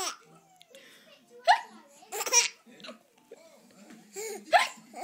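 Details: Child laughing at pretend hiccups: sharp, voiced hiccup-like catches mixed with laughter and babble.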